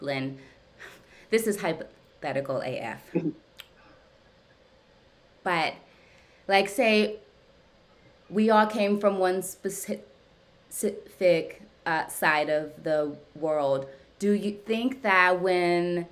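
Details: Adult woman who stutters, speaking during a live therapy session with her speech therapist, whose therapy she says has gradually helped her speech over time; stuttering.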